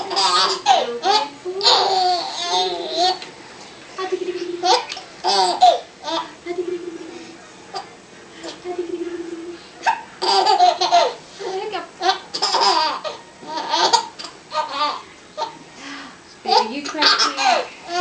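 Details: Young child having a laughing and hiccup attack at once: laughing and babbling, broken by short catching hiccup sounds; hiccups.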